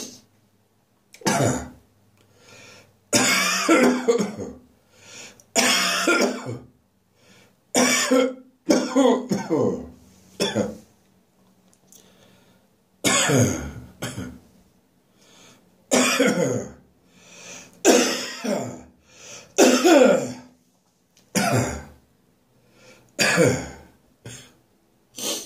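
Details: Persistent harsh winter morning cough that refuses to go away: repeated harsh, rasping adult coughs in clusters with throat clearing between bouts, in a quiet room.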